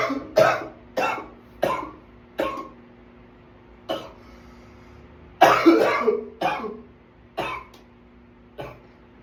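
About ten harsh coughs come in quick, irregular runs with brief pauses between them: a sustained coughing fit. A faint steady hum sits in the background.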